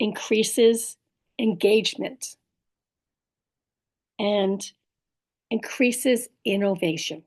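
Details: Adult woman with aphasia plus apraxia of speech and dysarthria after a stroke, in recovery; she says her speech can be hard to understand. Aphasia with apraxia of speech and dysarthria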